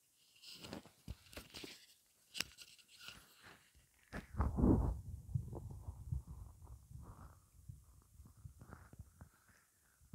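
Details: Quiet low gurgles, rumbles, soft clicks and squeaks with a louder rolling growl midway, recorded over 12 minutes of hunger with only water in the stomach; borborygmi.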